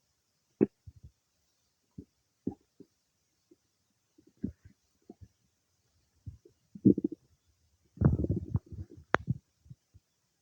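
Irregular gurgles, squelches and bubbling bursts from the abdomen, with quiet gaps between: ordinary bowel sounds while food is being digested.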